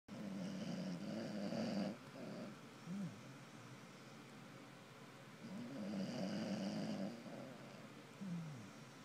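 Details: Corgi mix rescue dog sleeping: soft, rattling, groaning snores in long irregular breaths, quieter than a human snore; dog snoring.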